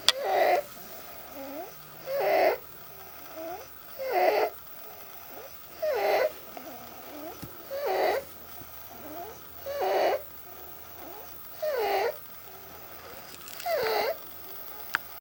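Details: Inspiratory stridor in acute laryngotracheitis (croup): a loud, harsh, high-pitched noise on each breath in, about 31 breaths a minute.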